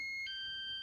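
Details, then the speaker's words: Prius Ai1 Premium hospital bed, bed exit alarm at the lowest of three volume levels: a steady electronic tone that steps down in pitch partway through. "For the bed exit alarm, there's 3 different levels of sound. Let's show you those. So first is the low alarm."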